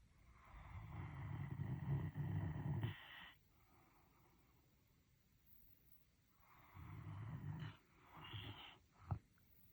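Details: German Shepherd dog snoring: two loud, rattling, human-like snores on inhaling, separated by a quiet pause, ending with a short snort.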